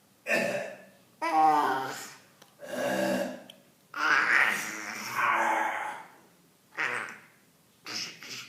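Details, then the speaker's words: A young child gives about six short, voiced, playful coughs with abrupt starts and fading tails, imitating his dad's cough: imitated cough. "Is it silly boy? Then he coughing like that."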